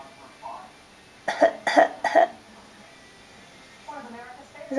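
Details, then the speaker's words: A young girl in a chair playfully fake-coughs, giving three quick, deliberate pretend coughs while an adult teases her about her new habit; voluntary cough, not illness. "are you gonna fake cough again is that your new thing are you gonna fake cough again"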